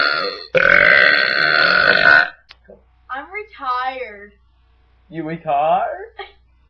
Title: Burping =)